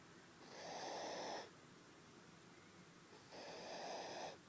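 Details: Sleeping baby snoring in her father's arms: two noisy, slightly whistling, soft nasal breaths about two seconds apart.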